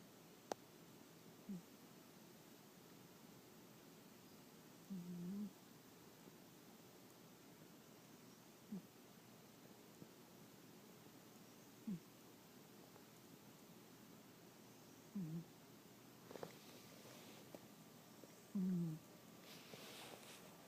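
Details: Sleeping orange pet cat in an unusual position: faint, brief low snorts recurring under steady room hiss; soft snoring.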